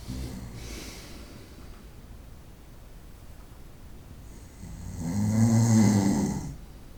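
One loud, rumbling snore after a few seconds of quiet breathing, with a faint breath sound at the start: night-time snoring.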